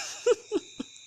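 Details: Three short, soft coughs in quick succession, each fading in loudness, during back massage given to ease coughing; cough.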